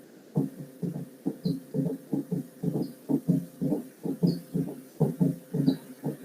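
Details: Physiology lecture example of a gallop (quadruple) rhythm: heartbeat about 60 a minute with extra low-pitched S3 and S4 sounds added to S1 and S2, described as a sign of heart failure.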